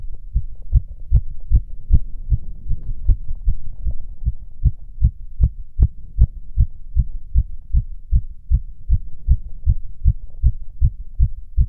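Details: Self-auscultation of own heart while standing (orthostatic) and sitting: fast, steady heartbeat over 100 a minute with clean lub-dub sounds; tachycardia with no abnormal sounds.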